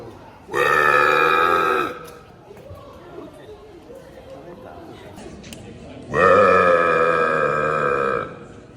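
Two long, loud, tonal belches, each lasting over a second, separated by quiet room noise with faint chatter.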